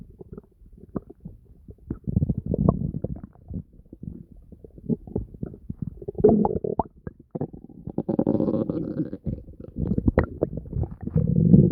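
Constant gurgling with long deep growls from the stomach; ordinary bowel sounds.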